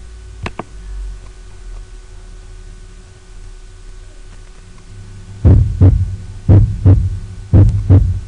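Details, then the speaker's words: Normal auscultation at the tricuspid focus: steady lub-dub pairs at about 60 beats a minute, with normal first and second heart sounds. "Pues, recuerden esta onomatopeelle. Tum tumta tumta tum ta. El tum, tum es el primer ruido [Música] cardíaco."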